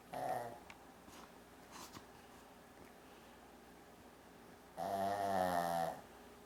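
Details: Shih Tzu dog snoring like a person: two soft, buzzing snores with a long quiet pause between, in a quiet room.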